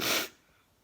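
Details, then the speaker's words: Adult sneezing on camera: a single brief, sharp, hissing sneeze that fades quickly. The sneezing started again despite an air cleaner; the person is unsure why and suspects tiredness. "and the sneezy snap and the sneezing it started again but i have an air cleaner so i have no idea why i'm sneezing maybe because i'm tired"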